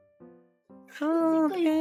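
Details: Brief, loud, high-pitched wailing cry of a newborn baby on the first day after birth, with soft background music at the start; newborn cry.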